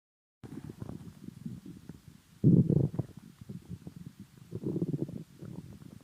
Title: Stomach noises